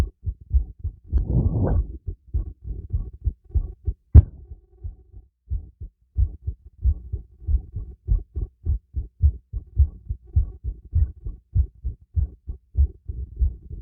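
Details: Heartbeat recorded with a stethoscope during light exercise: strong, regular low beats at about 100 a minute with occasional breathing and rubbing noise; normal heartbeat raised by exercise.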